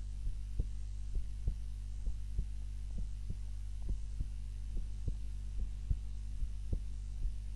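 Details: Normal resting heart sounds recorded on a timer during a nap, lying on the back (supine, unlike the usual prone position); regular low thumps at about 66 a minute over a steady low hum.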